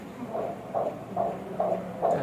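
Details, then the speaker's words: Fetal heartbeat on Doppler ultrasound at about six and a half to seven months of pregnancy, fetal weight 954 g: rapid, regular whooshing pulses, about 135 a minute, reported good; normal. "এটা হচ্ছে আপনার বাচ্চার heartbeat শুনতে পাচ্ছেন হার্টবিটও কিন্তু আলহামদুলিল্লাহ ভালো আসছে"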